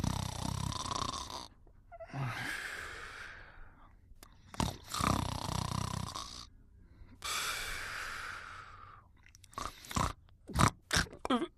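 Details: Clip from the 1988 recording "A New Generation": noisy, rasping sleep breaths with snorting rumbles, then short snuffles and clicks near the end; snoring.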